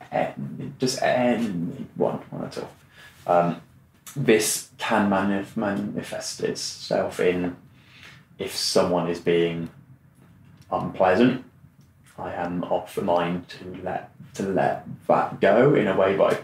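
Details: Adult man who has stammered since childhood, for about 25 years, speaking in conversation; stuttering.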